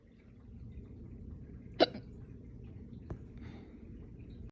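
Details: One sharp, abrupt hiccup then a fainter second over low room noise, starting after burping, eating cereal, running with a dog and drinking water too fast.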